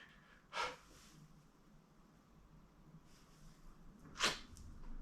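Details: Acted comedy skit: a man playing a shy substitute teacher who denies having allergies stifles and sneezes; two brief, sharp sneezes, the first partly stifled, over faint room noise.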